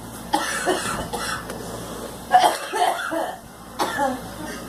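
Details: Adult woman smoking, four separate harsh coughs, each a sharp burst followed by a short rough tail.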